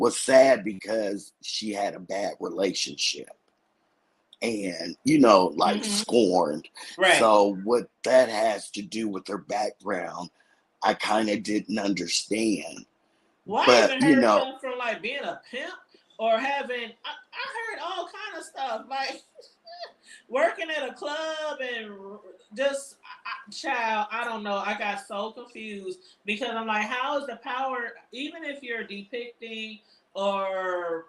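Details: Hoarse dysphonia in an adult woman after thyroidectomy, vocal cord accidentally touched during surgery; she expects her voice to return in a couple of months; vocal cord injury after thyroidectomy.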